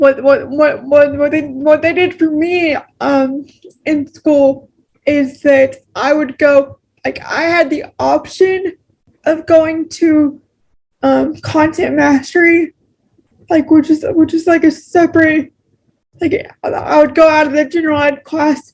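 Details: Adult woman with cerebral palsy who notes pronouncing words takes her extra effort; dysarthric speech with frequent word repetitions and garbled words.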